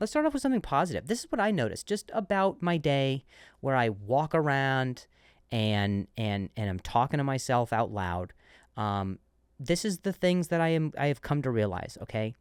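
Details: Adult male comedian who stutters and says he switched to a different word after stuttering; word repetitions; stuttering.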